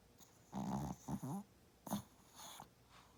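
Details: Small dog snoring loudly: short, rattling, snorting breaths in quick bursts with soft exhalations between.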